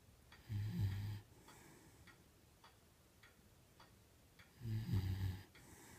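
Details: 10-year-old beagle snoring: two low, rumbling snores about four seconds apart in a quiet room with faint ticking.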